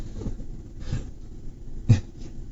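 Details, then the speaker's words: Snoring from a sleeping pug lying behind a podcast host during a recording: low, snorting breath noises recurring about every second, with one louder snort near the end. "Because there's a pug laying behind me, and he is snoring up a freaking storm, and it's ridiculous."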